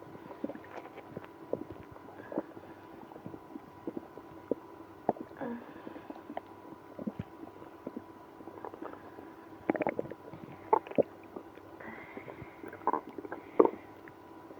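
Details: Frequent gurgling, squeaking and rumbling stomach noises with louder bursts toward the end in a person with irritable bowel syndrome after drinking milk and prune juice; active bowel sounds.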